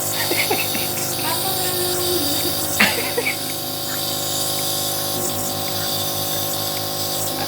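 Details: Running nebulizer compressor used to relieve children's cough with phlegm and help clear their lungs: steady mechanical hum and hiss, faint room sounds and brief background voices.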